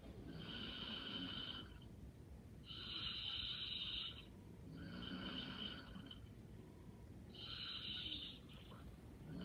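Soft, whistling, nasal-sounding snores on each breath, about 25 a minute; light snoring.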